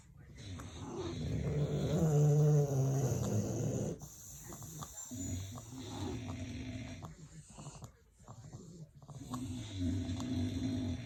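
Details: Snoring: a loud, low, rumbling snore followed by softer snorting, rattly breaths over room noise.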